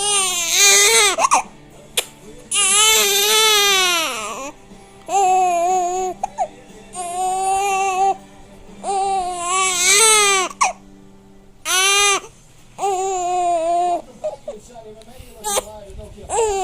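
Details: An infant with hiccups cries in repeated loud, high-pitched, distressed bursts with short pauses between, over background music; infant cry.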